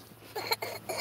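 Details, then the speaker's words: A few faint, short, light coughs from a young boy in a quiet indoor room. "you hear that little cough you want to say hi to everyone"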